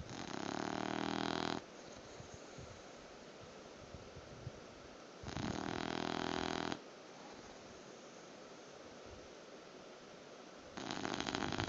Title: Sleeping Bulldog Snoring Crescendo